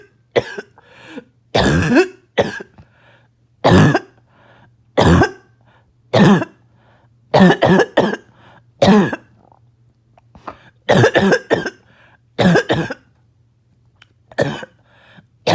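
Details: Adult choking barking cough set off by an itchy nose and throat: repeated harsh, barking coughs in short bursts with gasping between them.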